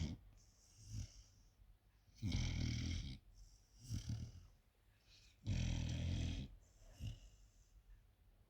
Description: My 4 month old dog snoring like a drunk sailor.